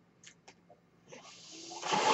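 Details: A mechanical ventilator's breath cycle, heard in the background while its user speaks on a recording; the user identifies the noise as his own ventilator.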